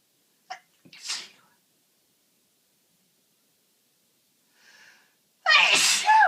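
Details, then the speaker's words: Uncontrollable repeated sneezing at home in a person with a cold, itchy watering eyes and a nose becoming blocked: two sharp sneezes with a short breath between, then one loud voiced sneeze after a pause. "I've actually got tears running down my face from sneezing so much. And when I'm at work, I try so hard to stifle them into tissues, but now I'm at home, oh, they're so strong."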